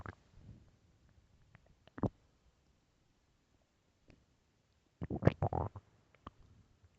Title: morning stomach growls